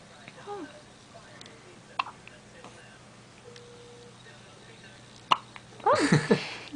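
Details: Baby with hiccups: two brief, sharp hiccups a few seconds apart in a quiet room, then a short infant vocal burst.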